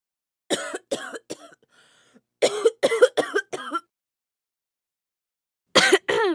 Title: Sound Effect - Coughing Women